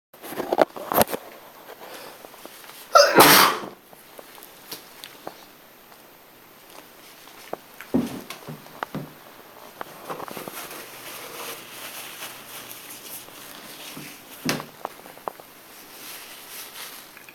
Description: After the parties. Its time for an allergic sneeze.